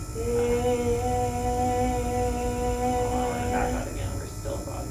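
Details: Sustained "e" phonation, low then gliding low to high, during laryngoscopy in a 47-year-old woman in muscle tension dysphonia therapy; bilateral vocal fold nodules with anterior and posterior gaps and increased vascularity.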